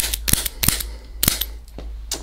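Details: Five sharp, snapping clicks from a spring-loaded chiropractic activator applied to the shoulder's AC joint during adjustment for shoulder, chest and thoracic tension in an adult woman.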